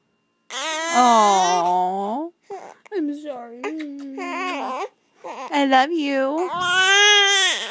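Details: 7½-week-old infant with hiccups, fussy and upset: high-pitched crying in several bursts with wavering wails.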